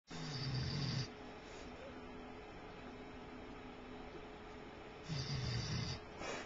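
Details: Sleeping dog recorded with a Flip Video camcorder: two low, rattling snores about five seconds apart, with quiet breathing and background hum between them; snoring.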